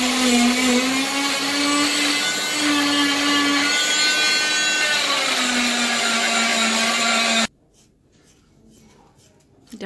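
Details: 12-year-old girl after foot surgery for an extra navicular bone, in hospital: loud high-pitched whining motor with a steady tone for about seven seconds, then stopping; an oscillating cast saw cutting off a leg plaster cast.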